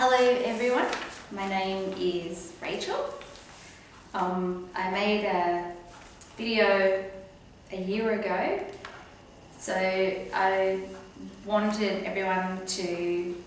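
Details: Woman with aphasia after a stroke, about one year on from an earlier recording, reporting improvement but ongoing struggles; aphasia.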